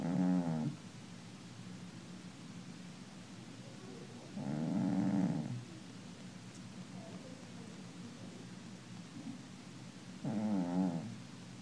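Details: Sleeping cat snoring: three loud, rough, rattling snores spaced several seconds apart, with quiet breathing between.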